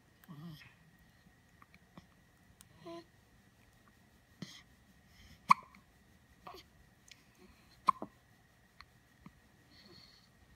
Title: Fox Hiccup 111